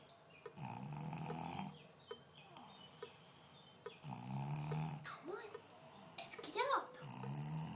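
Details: Pug dog lying on her back in the bathtub after a bath, relaxing: low fluttering snores every three to four seconds with snuffling and a squeaky whine; snoring.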